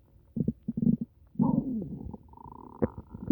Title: upset stomach rumbles